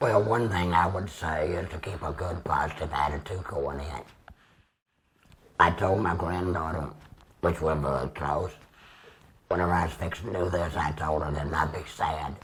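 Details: 75-year-old man using tracheoesophageal speech about two years after laryngectomy (tracheostomy, then radiation), with a Provox Vega voice prosthesis, extra HME cassette and Stabila base adhesive.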